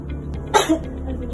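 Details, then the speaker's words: Simulated nursing education on effective cough technique for tuberculosis: inhale, hold for a count of four, then a single forceful voluntary cough to clear phlegm. "Sekali lagi, Bu. Nafas 1 2 3 4 batuk, Ibu. Iya. Sekali lagi ya, Ibu ya. Tarik napas. 1 2 3 4. Ibu batuk."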